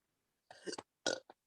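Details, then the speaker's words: During a cough and shortness-of-breath therapy session: two short gurgling burps with a small trailing one in a quiet room; ordinary belching. "Maaf ya Ndah Ndah cuman ke sendawa aja"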